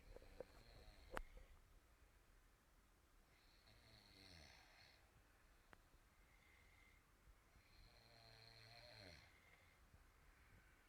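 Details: Snoring caught during sleep: two slow, rattling snores on breathing in, with quiet pauses between them, in a small quiet room; ordinary snoring.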